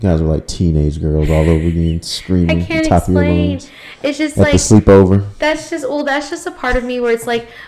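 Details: Adult speaker; normal voice.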